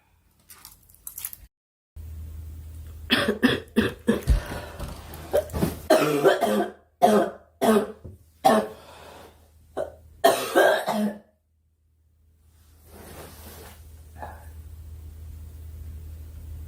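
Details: A girl, who says she is sick and wants the coughing to stop, has bouts of short, harsh coughs in quick succession, about a dozen, with low room hum; repeated coughing fit.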